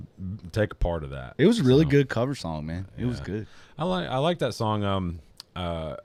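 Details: Adult male speaker; normal speech.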